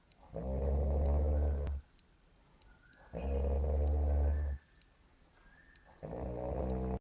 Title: How to Snore with elegance!